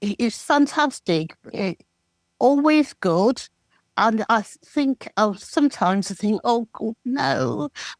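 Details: Aphasia from a stroke 13 years earlier in an adult woman; at first she had only yes and no and has improved slowly, and she knows what to say but can't say it, while understanding is good.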